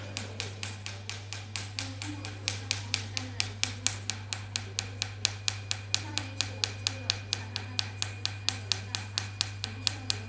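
Steady sharp cracking pops, about 130 a minute, over a low electrical hum, from a Q-switched Nd:YAG laser during a carbon peel.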